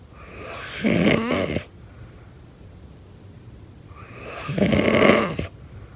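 Two rough, rattling snores on inhaled breaths about four seconds apart, with quiet room noise between; ordinary snoring.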